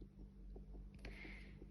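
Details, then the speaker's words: Fetal heartbeat from a pregnancy ultrasound recording, rapid regular whooshing pulses played back through a small speaker in a sound photo album. "Et ici on entend les sons des battements du cœur."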